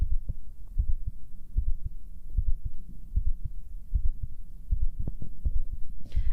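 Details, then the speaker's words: Own heartbeat picked up by an internal ASMR microphone: steady low thumping at about 77 beats a minute, loud and overwhelming. "So to be fair, it's kind of what I expected. Like, that the heart would be so loud it would be the overwhelming force, right?"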